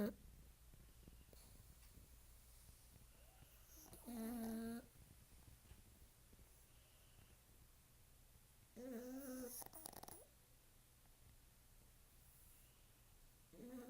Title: Pugs Snoring